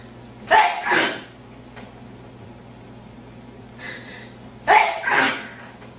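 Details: Sneezing: two full sneezes, each a quick in-breath and loud explosive burst, a few seconds apart, with a faint sniff between.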